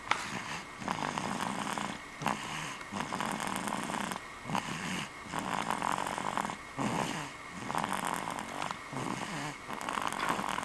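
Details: Loud snoring during sleep: steady rhythmic snoring with rattling inhalations and softer exhalations, about 35 breath cycles a minute.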